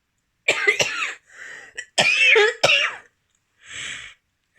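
Two brief bouts of harsh, somewhat wet-sounding coughs, each followed by a noisy breath in; a productive, phlegmy cough.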